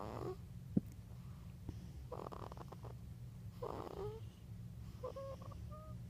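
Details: Light snoring: soft, snorting, rattling breaths with brief squeaky whistling tones on some breaths.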